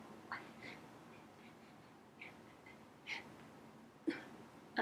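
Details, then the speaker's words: Person with Tourette syndrome having vocal tics that stop them from talking: brief, abrupt throat and breath sounds burst out irregularly, with no speech, as simple vocal tics. "not being able to talk when I tick just like that"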